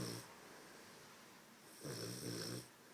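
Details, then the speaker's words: A puppy in deep sleep, barely able to open its eyes, snoring: a short rattling snore on the in-breath after a quiet pause. "Abraham, you're snoring. Can you stop? It's keeping me up."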